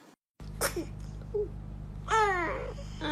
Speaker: Ay, ay, ay, esos estornudos. God bless you. Bless you.